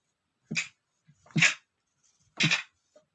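Three short, muffled bursts about a second apart: stifled sneezes held back with the mouth closed.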